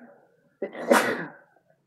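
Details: A single forceful sneeze, a sharp intake followed by an explosive burst of air, deliberately induced with chhinkni sneezing powder.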